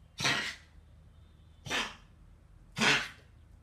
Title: Cough a September 24, 2014